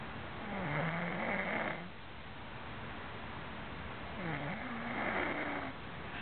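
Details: Man snoring during sleep: two drawn-out, vibrating snores on the in-breath, about four seconds apart, over a steady background hiss.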